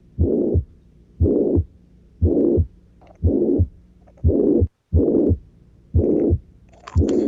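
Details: Regular heartbeat near 59 a minute with a harsh murmur filling all of systole: holosystolic murmur of ventricular septal defect.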